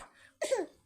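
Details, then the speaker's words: Child imitating father's cough: a single short, voiced cough burst. "Aduh, gimana batuk ayah? Gimana?"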